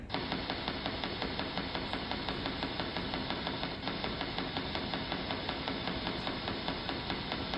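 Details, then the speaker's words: Needle EMG study: regular, rapid clicking pops over steady static, spontaneous fibrillation potentials with a regular firing pattern, contrasted with endplate spikes; a sign of muscle denervation. "fa regular what is it fibrillation regular it's a fibrillation"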